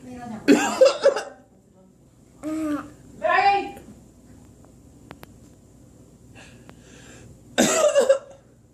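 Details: A sick child, unwell for three days, gives short bursts of coughing with a couple of brief voiced sounds between them in a quiet indoor room.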